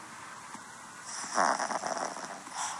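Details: Single heavy, loud, rough, fluttering snort-like snoring inhalation after a quiet moment, rising and fading; a person startled awake by their own snore.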